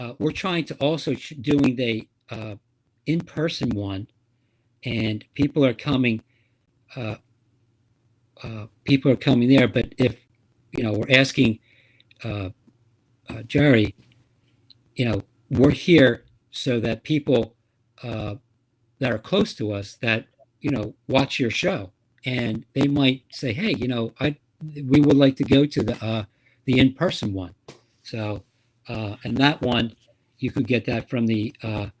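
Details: Aphasia in a man living with aphasia; speech is halting and repetitive.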